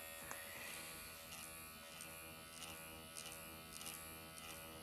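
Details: MD Needle Pen automated microneedling self-treatment on the face, depth raised to 1.5 mm, vertical, horizontal and cross-hatch motions: steady high-pitched buzzing motor hum with slight changes as it moves across skin.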